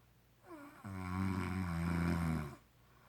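A single loud, low, rumbling snore on one breath, with a brief softer lead-in; typical snoring.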